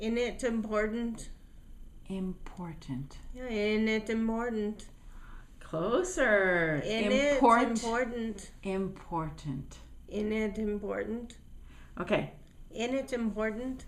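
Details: Adult early in speech therapy soon after a brain injury from a fall, with aphasia, struggling to produce a single word; apraxia of speech with aphasia.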